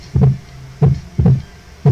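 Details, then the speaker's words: Heart sounds demonstrating a split heart sound: loud, low heart sounds with a doubled quality to a heart sound. "escuchar también, me gustaría enseñarles el desdoblamiento, por eso me retraso."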